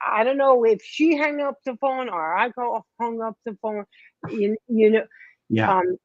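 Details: Post-stroke aphasia in a 57-year-old woman after a major ischemic stroke in 2011 at age 45 affecting her right side and speech; initially unable to talk, now improving but worse with emotion.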